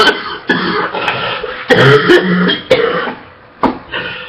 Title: Girl Coughs Non-stop - Barking & Wet Cough - Sexy Coughing so much she gags 😉 - (SUBSCRIBE FOR MORE)